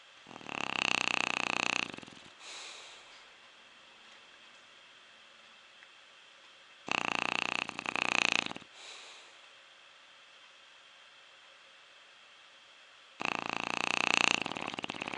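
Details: Quiet but steady snore from a sleeper deep in sleep: three rasping breath sounds about six seconds apart, roughly ten a minute, with quiet gaps between; snoring.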